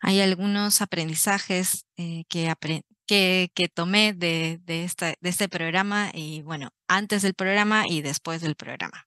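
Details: Adult man, stuttering since age 4, father also stutters, reporting increased core and secondary stuttering behaviors in adulthood; audible word repetitions and fillers; stuttering.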